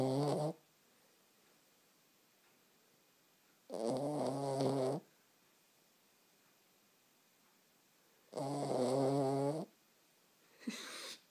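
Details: Cat snoring in slow, regular bursts, about 13 a minute, each a rattling, buzzing breath with quiet pauses between: ordinary snoring.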